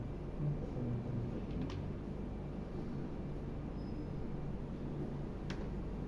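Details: Hepatic Doppler ultrasound of the portal vein, taken while the patient holds their breath, insonation angle about 2 degrees: a steady, low, windy hum with no sharp pulsing; normal continuous portal venous flow.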